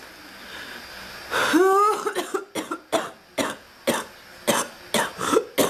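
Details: Adult woman with an ongoing cough, still not better: a voiced groan, then a rapid series of about ten short, dry coughs; persistent coughing bout.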